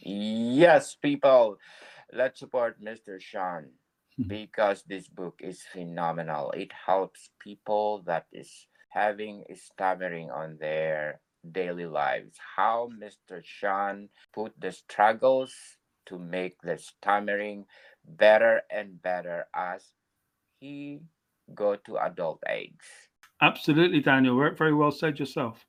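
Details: Adult male speaker; typical speech.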